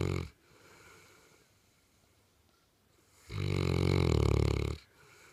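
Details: St. Bernard dog sleeping on a couch, snoring loudly: a deep, rattling snore on each breath in, with quiet breathing out between.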